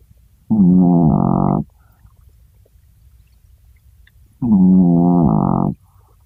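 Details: Small Chihuahua snoring in sleep: two loud, tonal, horn-like snores about four seconds apart, each just over a second, with quiet breathing between.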